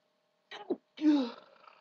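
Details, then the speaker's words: Female's loud explosive sneeze after a sharp indrawn breath in a quiet room, following hard attempts to stifle a series of big sneezes; sneezing. "Try to stop it. It was really hard. Ugh."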